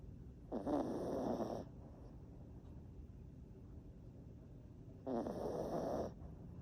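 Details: Chihuahua snoring: two rough, rattling snoring breaths about four seconds apart, each lasting about a second, with quiet room noise between.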